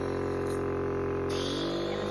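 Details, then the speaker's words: Simulated home tracheostomy suctioning demonstration for a medically complex child, catheter at suction depth nine: loud steady droning hum of the suction unit, with a rushing change as the catheter is withdrawn. "It's going to be loud for a second. Down. Pretend that's her trachea and you suction. And that's what it sounds like when you pull it out"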